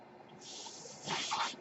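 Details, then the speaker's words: Breath cycle of the podcaster's own mechanical ventilator, which he points out while speaking. "My name is. That noise you hear is my ventilator."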